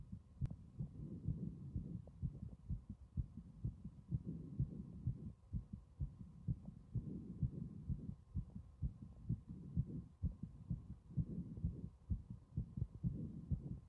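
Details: Strong, steady low thumping heartbeat throughout, with a low background hum; heart sounds loud across the recording.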